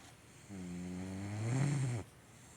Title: Adorable 💕 cat 😺 snoring loud!!!